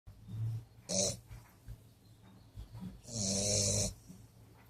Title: Daddy the Bulldog snoring away.